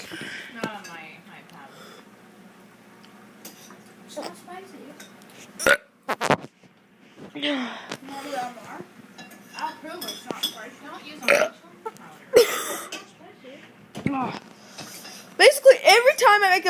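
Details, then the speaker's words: A girl deliberately burping: repeated voiced, voluntary belches mixed with talking and room noise, while remarking that something tastes spicy. "once again, kid doing burps. I don't know. Yeah, now it's a little spicy, isn't it?"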